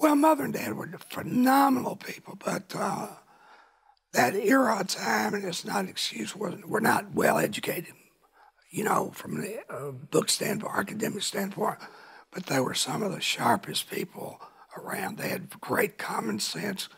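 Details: Rough dysphonia in an adult man from laryngeal cancer, a vocal cord spot found about 23-24 years earlier by an ENT and confirmed by biopsy; now cancer-free, voice remains altered.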